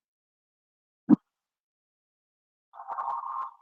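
A soft tap, then one brief, harsh, hollow rush of air: normal tracheal breath sound heard over the neck.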